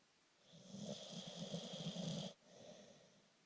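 One long rattling snore on the in-breath, then a softer out-breath: a single snore.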